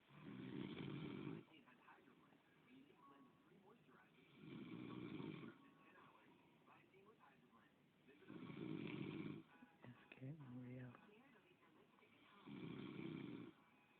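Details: Adult man snoring during sleep while his girlfriend quietly comments: four rattling snores about every four seconds, with her voice between them.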